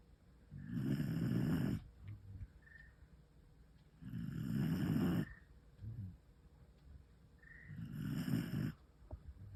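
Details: Three deep, rumbling inspiratory snores about every four seconds, quiet out-breaths between, from a sleeping 11-month-old female rescued feral puppy whose snoring has grown louder; snoring.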